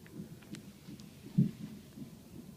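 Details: Muffled, rapid low thumps under whooshing background, a fetal heartbeat on the hospital fetal monitor; the fetus was hiccuping and moving a lot, hitting the monitor with loud thumps; heartbeat.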